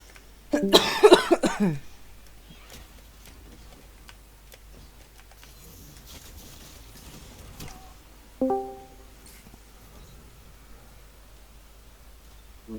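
A short cluster of about three harsh adult coughs, followed by quiet and a brief plucked musical note.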